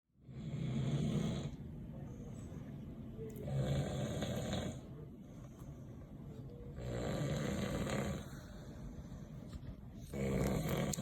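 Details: Man snoring very loudly in sleep: loud, harsh, rattling snores recurring about every three seconds, about 18 a minute, with quieter breathing between them.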